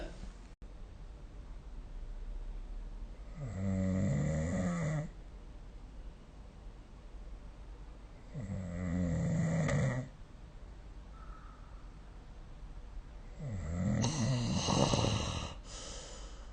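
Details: Snoring during sleep recorded with the SnoreLab app: deep, rattling snores on each breath in, about 12 a minute, with quiet breathing between.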